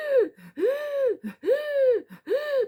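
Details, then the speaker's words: An owner imitates the dog's laboured breathing after coughing from suspected recurrent kennel cough, with the rib cage pulling in: three drawn-out, voiced gasping in-breaths with short breaths between. Imitated laboured inspiration. "when he's finished coughing say this is his rib cage he goes when he breathes in like this because he can't breathe"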